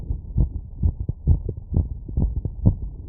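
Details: Rapid, regular, low heartbeat thumps heard through a stethoscope after physical workload, about 130 beats a minute; a fast but normal heart rate after exertion.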